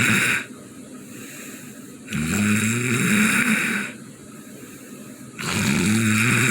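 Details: Loud, rough snoring on each breath in, about two snores in 6.5 seconds with quieter pauses between: snoring.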